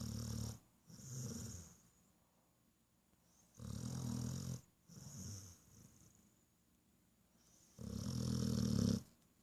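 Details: Sleeping dog snoring in a steady rhythm, about 15 breaths a minute, each loud rumbling inhale followed by a softer exhale.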